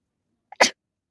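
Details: Sneeze deliberately induced by tickling with a stick in a sneezing challenge: a brief catch of breath, then one short, sharp burst of air, a single sneeze.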